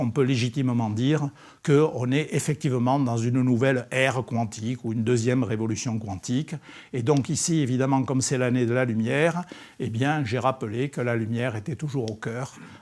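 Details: Adult man, lecturer; Normal voice.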